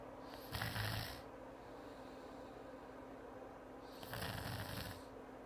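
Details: Two loud, rough snores about 3.5 seconds apart, each with a low rattling flutter on breathing in, over room hum; typical sleep snoring.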